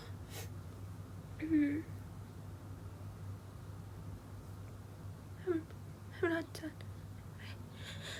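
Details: Three brief squeaky held-in sneezes from a woman after sawdust exposure while woodworking, over a steady low room hum: stifled sneezing attack.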